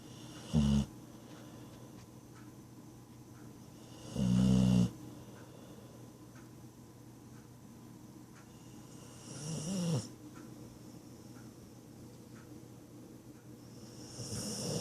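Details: Pet sleeping on its owner's lap, snoring: loud, rough snoring bursts at irregular intervals, about four in fifteen seconds, over steady room hum.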